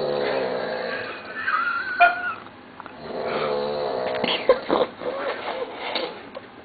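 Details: Adult passed out asleep after drinking at a party, around 4:30 am: long, voiced, rattling breath sounds in a small room; loud snoring.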